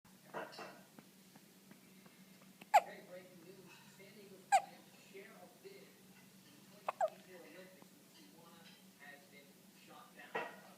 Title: Baby Hiccups